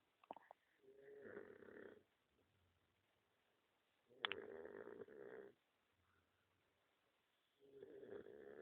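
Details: Dog snoring: three rough, rattling snores about two seconds long, separated by quiet pauses.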